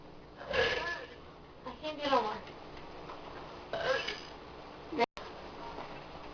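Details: Girl burping on command to show her friend, deliberately: three deep, loud, voiced burps in a small room; she mentions her stomach hurts.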